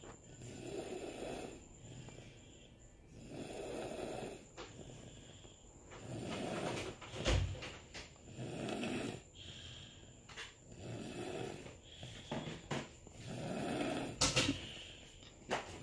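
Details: Recorded in 2019 during sleep: regular, rough, low snoring breaths about every 2.5 seconds, roughly 24 a minute, with a few clicks and knocks in the room; steady snoring.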